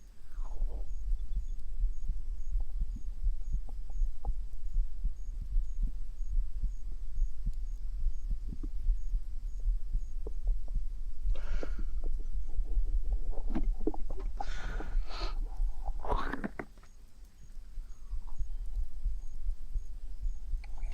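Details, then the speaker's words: Soft low thumps of a regular normal heartbeat heard through a microphone placed on the streamer's own stomach, under steady hum, with rustling and handling noise midway. "You can hear my heartbeat through that. Ooh."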